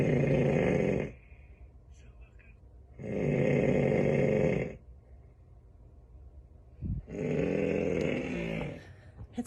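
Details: Adult man with heavy snoring, not much helped by Breathe Right strips: long, loud, rough rattling snores about every three seconds, roughly 18 breaths a minute.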